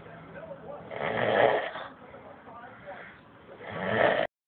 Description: At hotel just outside of Chicago, I was trying to get some sleep but how could anyone sleep listening to this?